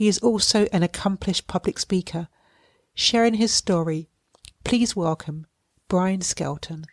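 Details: Adult female host speaking; Normal fluent speech.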